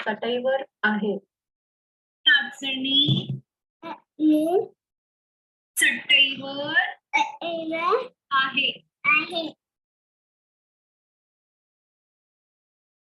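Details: Marathi-speaking child with cleft palate; sounds in 'tatsi' and 'sat' replaced by glottal stops; glottal stop substitution (cleft palate speech).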